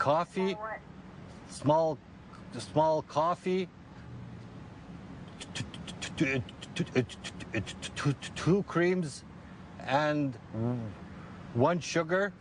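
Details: Adult man who stutters, deliberately repeating words as a voluntary stuttering technique to take control of his speech; voluntary stuttering.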